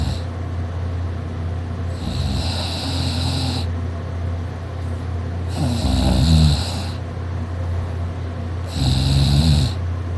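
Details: Person who fell asleep on a couch during a nap, snoring loudly and drooling, with a sore throat afterwards; three loud, rough, buzzing inspiratory snores about every 3.5 seconds over a low hum.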